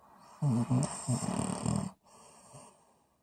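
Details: Low, rattling snores on the breath, ending with a quieter breath; ordinary noisy snoring.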